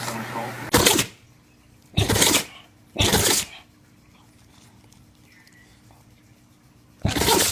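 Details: Animal sneezing: four short, sharp hissing bursts with quiet gaps between them, a run of sneezes.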